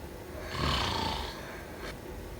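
A single rough, rumbling snore on an inward breath, rising and fading over about a second.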